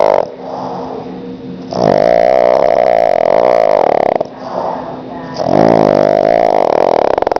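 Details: Pug napping in the afternoon on owner's lap: two long, loud, rattling snoring breaths within a few seconds; snoring.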